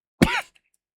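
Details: Adult who says he is a little sick with a sniffle gives a single harsh, violent reflex cough after inhaling cannabis smoke.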